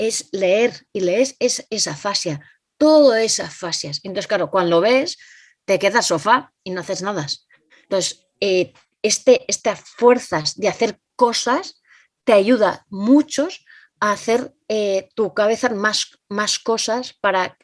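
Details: Adult Spanish-speaking woman with aphasia following a stroke (cerebrovascular accident); aphasia.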